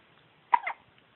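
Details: Sleeping cat with hiccups: one brief, soft two-part hiccup sound in a quiet room.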